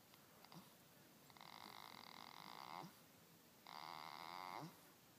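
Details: Goat named Boss snoring: two drawn-out, whistling, nasal snoring breaths, each followed by a quiet exhale.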